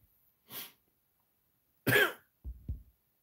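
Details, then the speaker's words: Adult with a scratchy throat from a cold coughing: a quick breath in, one sharp cough, then two smaller, rougher coughs close together. "maybe I'll do Live reviews if my throat wasn't scratchy right now"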